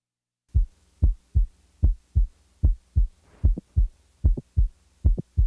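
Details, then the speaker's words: Normal 20-year-old female with a typical mid-systolic non-ejection click: regular heart sounds near 75 a minute with an extra sharp click in mid-systole between S1 and S2. "the next example is that of a normal 20 year old female with a typical mid-systolic click"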